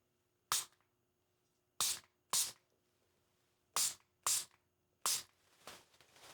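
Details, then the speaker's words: Simulated ASMR doctor role-play nose exam: six short, sharp hissing bursts from a nasal spray bottle given to clear congestion, in a quiet room. "Go ahead and look up. I'm gonna go ahead and just give this a spray, okay?"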